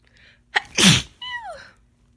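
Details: Person with a head cold: one wet, forceful sneeze, a quick breath in, an explosive burst, then a trailing voiced sigh.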